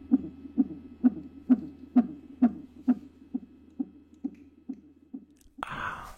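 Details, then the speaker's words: Simulated maternity-ward ASMR roleplay: fast, regular whooshing fetal Doppler beats at about 130 a minute, within the stated normal range of 110–160, followed by probe-handling noise. "Je vais vous laisser profiter du bruit du cœur du bébé avec une petite séance de manipulation sur la fin."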